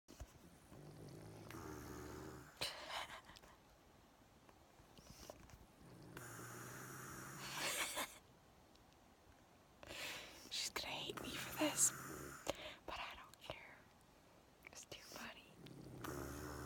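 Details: Sleeping subject who snores a lot: irregular, rough, noisy breathing during sleep with several longer rattling stretches, quiet room behind; snoring.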